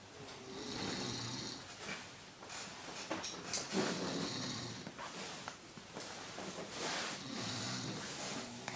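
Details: Snoring.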